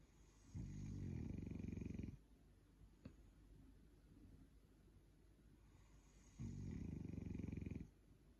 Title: Snoring time⏱️